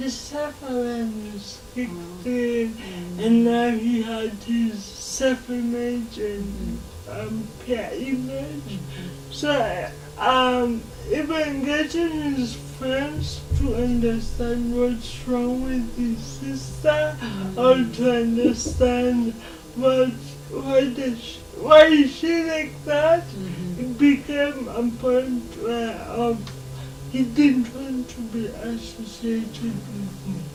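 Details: Dysarthria in a 27-year-old woman with lifelong cerebral palsy; she can speak but is given extra time to talk, in a real TV interview.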